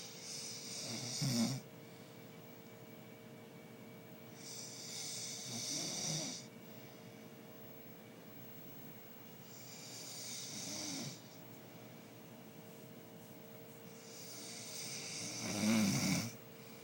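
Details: Snoring from an adult man, the recorder's uncle: rough, rattling snores with each breath, about 14 breaths a minute, over steady room hum.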